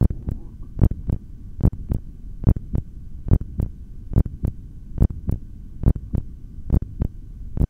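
Steady, clear two-part heartbeat at about 71 beats a minute through a stethoscope during a held breath, with a faint background hum.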